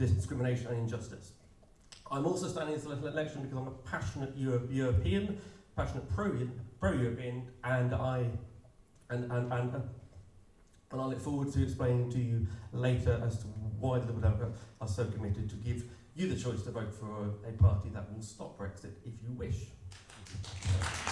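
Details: Stuttering (stammer) in an adult male political candidate who describes himself as openly disabled, speaking at an election hustings; stuttering (stammer).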